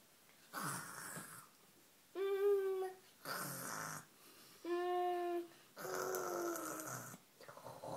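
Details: Child (Aaron) playfully pretends to sleep, faking snoring with rasping noisy inhales and voiced humming exhales every two to three seconds; imitated snoring.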